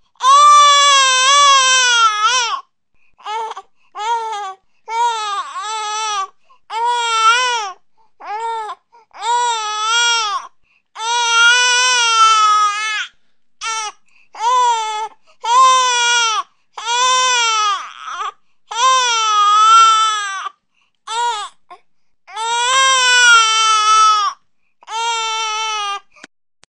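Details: An infant cries in repeated high-pitched wailing bursts with rising and falling pitch, separated by short breaths.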